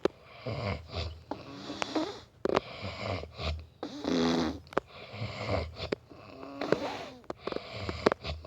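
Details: Heavy snoring in a man: loud, irregular rattling snores with snorts and gasping breaths in a quiet room.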